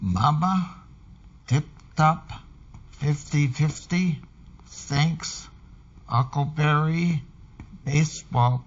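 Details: Stroke patient reading or repeating words from the NIH Stroke Scale dysarthria card, scored 1 by the examiner (some slurring but understandable); mild to moderate dysarthria.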